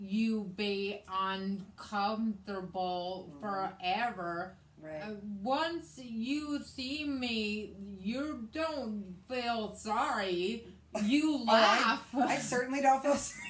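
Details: Woman with aphasia after a hemorrhagic stroke in May 2020, also with right-sided hemiparesis, treated with brain surgery and an ICU stay; the aphasia also affects her reading and writing; post-stroke aphasia.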